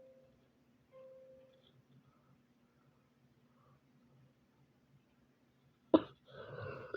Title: a case for my friend to solve (cringe warning) also ignore my preppy ahh coughs